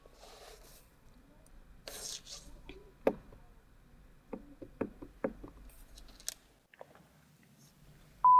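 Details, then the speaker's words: Quiet room with clicks and rustling, then a steady mid-pitched audiometer beep during a pure-tone hearing test seeking the faintest audible tone, recorded binaurally. "Parce que nous voulons tester le son le plus faible que vous puissiez entendre . Ok"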